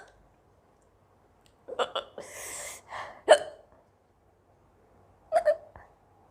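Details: Indian girl with hiccups for a long time, also sneezing and coughing: short abrupt voiced catches with breathy bursts between them; hiccups.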